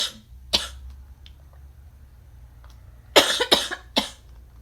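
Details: Five sharp, dry-sounding coughs, one early then a close run of three and one more; plain cough.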